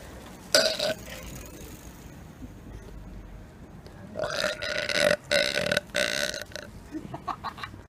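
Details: Deliberate burping as a public prank: one loud belch, then a long run of drawn-out, forced belches in an open public space.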